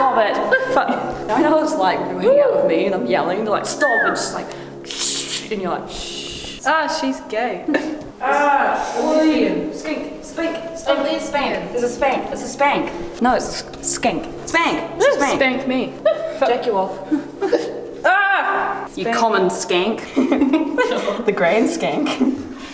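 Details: Vocal tics in a person with Tourette syndrome, heard in public at a museum; sudden swearing and interjections.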